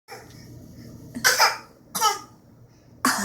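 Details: A child coughing while jumping: three sharp, noisy cough bursts separated by quiet pauses with faint room noise; a plain cough.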